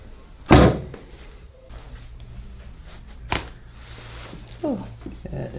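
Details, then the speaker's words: Chiropractic adjustment on a drop table: a loud sudden thud, then a softer knock, with quiet talk in the room; drop table adjustment thud. "there's many ways to adjust a red we can use that drop table we can do it we call osseously where you hear more of a pod"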